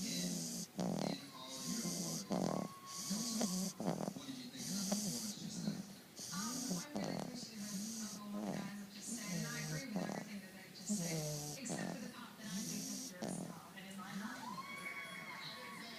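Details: Repeated rattling snores with each breath, about 20 breaths a minute, over a steady background tone that may be music; snoring.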